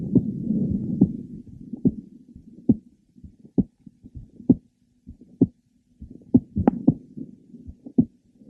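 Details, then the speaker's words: Woman with mitral valve prolapse: irregular rhythm with frequent premature ventricular beats and a series of sharp clicks in mid-to-late systole. "okay you could detect her frequent premature ventricular beats and her series of clicks that were heard in the mid to last part of cyy"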